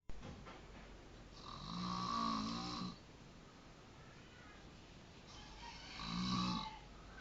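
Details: Snoring, recorded in Depok: two long, rumbling snores on inhalation about four seconds apart, with quiet breathing between.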